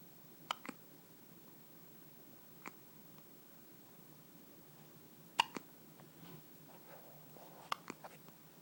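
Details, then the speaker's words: Several brief, sharp hiccups at irregular intervals in a quiet room, each a sudden catch of breath, occurring alongside sneezes and yawning. "You got hiccups and sneezes. You got hiccups and sneezes."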